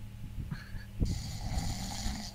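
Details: A person snoring loudly during sleep: loud, rough, rattling breath noise.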